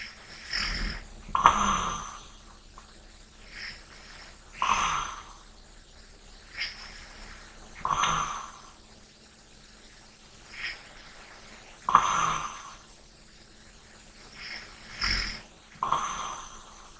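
Repeated rough, fluttering breath sounds during sleep with quieter light breathing between them: snoring.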